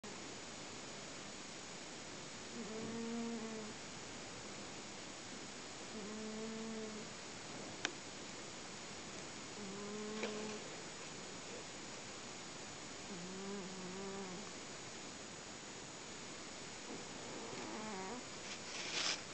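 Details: Pet cat in very deep sleep, not waking even when her head is rubbed: soft, buzzing, slightly whistling snores every three to four seconds over steady hiss; cat snoring.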